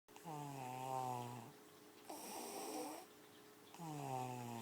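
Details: Repeated loud, tonal snoring with a drawn-out, droning, almost musical note on each breath and a rougher rattle between breaths; the sleeper is then told to wake up.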